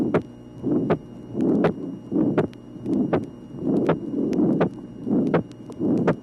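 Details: 1967 auscultation teaching record, tracing 17: heartbeat about 80 a minute with a soft pulmonary ejection murmur from a low pulmonary valve pressure gradient and a single, unsplit second sound.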